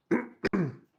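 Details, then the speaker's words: An adult male live chess commentator clears his throat with a rough, voiced rasp, gives one short cough, then clears again, apologising for his cough: a cough with throat clearing. "Sorry, I'm having such a cough."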